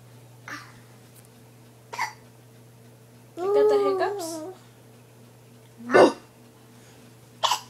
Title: Home from work to a baby with hiccups